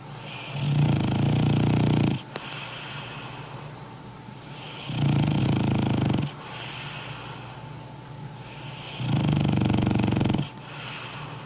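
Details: Snoring from a sleeping 20 kg French bulldog: three loud, snorting snores in regular cycles of about four seconds, with quieter breathing out between them.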